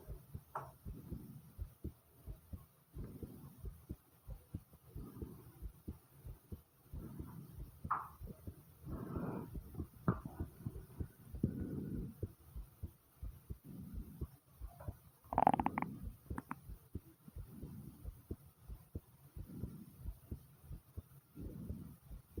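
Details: Own heart pounding fast: fast, forceful heartbeat thumps with intermittent low gurgling stomach (bowel) sounds over the top.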